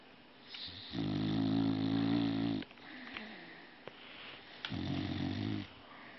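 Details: Snoring: two loud, buzzing snores on the in-breath with a softer breath between them.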